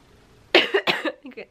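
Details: A brief run of two or three sharp, dry coughs from an adult with a heavy cold who had been coughing all night; dry tickly cough.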